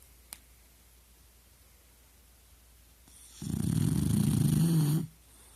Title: My dog Maynard snoring.